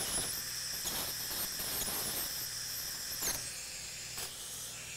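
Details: High-pitched squealing hiss in short bursts from an ultrasonic endodontic tip during canal preparation in live root canal treatment of tooth #14, isolated with a slit rubber dam.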